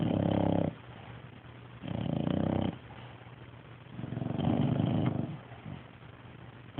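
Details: Three loud, rumbling snores about two seconds apart, roughly 25 a minute, separated by quieter breathing; rhythmic snoring while asleep.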